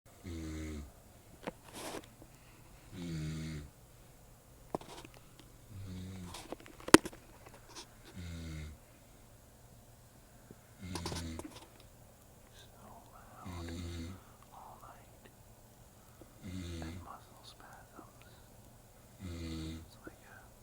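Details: Adult man snoring during sleep, likened to a water buffalo: loud, regular, rattling snores on each in-breath, about 23 a minute, with quiet pauses between.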